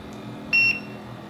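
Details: SeQual eQuinox portable oxygen concentrator: a single short high-pitched button-press beep as continuous flow is lowered in half-litre steps from 3.0 toward 2 L/min, over quiet room noise.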